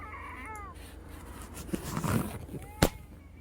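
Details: Brief high-pitched musical whistling wheezes in a woman with Down syndrome, about 6:05 PM, 4 hours after an Arformoterol and Pulmicort 0.5 mg treatment; her oral wheeze meds were stopped and DuoNeb reduced. Wheezing returned.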